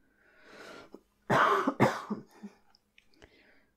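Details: Acted cough by a woman playing a female superhero with a cold in a soft-spoken roleplay: two loud harsh coughing bursts followed by quiet breaths.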